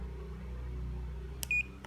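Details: A button press while setting the time and intensity on a wristwatch-style 12-point semiconductor laser therapy device: over a steady room hum, a click and then a short high electronic beep.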